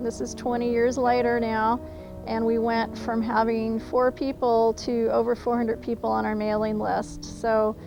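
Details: Adult woman speaking; ordinary speech.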